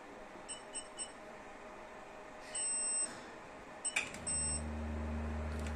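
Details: Diode laser 808 nm hair removal machine: short electronic beeps in quick bursts and longer tones, then a steady low cooling hum.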